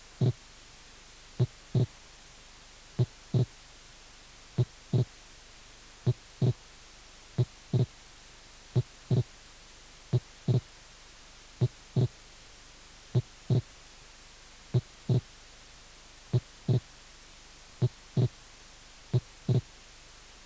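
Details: Slow regular heart sounds with a clearly doubled second sound: wide, mobile (variable) splitting of the second heart sound.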